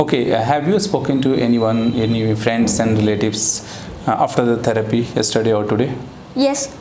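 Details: Adult male speaker, with a brief reply at the end; ordinary speech.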